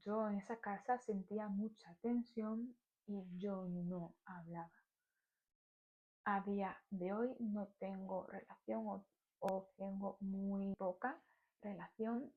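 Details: Stuttering in an adult woman.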